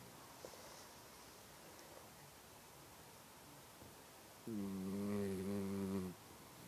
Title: Mouse snores!